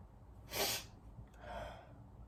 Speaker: it's gone it's gone y'all it's gone I was sneezing this whole time it's gone